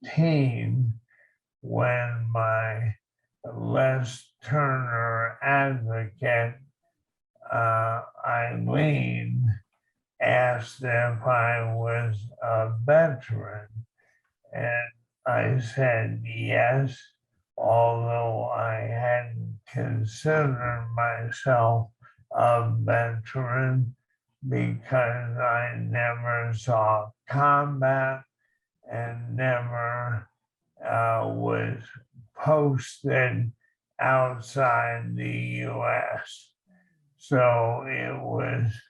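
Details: Dysarthria in an Army veteran with ALS, diagnosed 2014.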